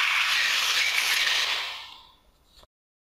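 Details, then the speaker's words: Dental air and water spray syringe rinsing the teeth after scaling and polishing, in a veterinary dental scaling and polish teaching demonstration on a dog: a strong hissing spray fading over about two seconds. "okay once all the teeth have been scaled and Polished you can use your little air and water spray to bring"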